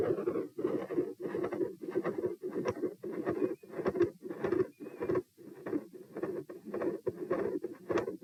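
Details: Heart sounds recorded at position P during a stress test in hot weather, lying, sitting, standing, then lying again (90-102-132-78 bpm): mid-systolic murmur with very loud, large S2.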